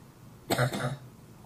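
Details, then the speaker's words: Patient seen at a hospital in Memphis, Tennessee, with habit cough, daytime only and absent once asleep, from a video a parent sent a doctor; a single loud, harsh, honking cough in two quick voiced pulses. "characteristic of this cough as much as you hear that and this could go on all day once they're asleep they are quiet if someone is coughing all night it is not the habit cuu"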